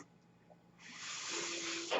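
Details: Breath cycle of a mechanical ventilator heard in the background while its user speaks on a podcast.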